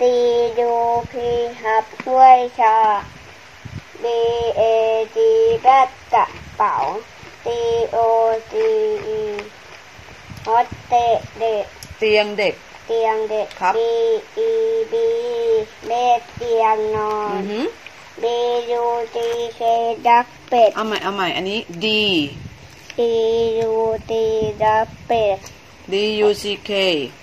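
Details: Young child reading aloud; speech of a child with cochlear implants.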